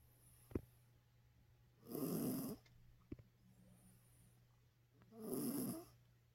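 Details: Sleeping pet dog snoring: two loud, rough, rattling breaths about three seconds apart, with quiet pauses and faint clicks between them.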